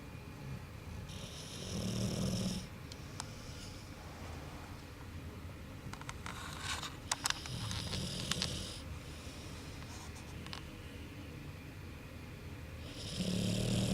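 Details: American Bulldog snoring while asleep: low rumbling snores with a snorting quality in three bursts about five seconds apart, over quiet room noise; ordinary snoring.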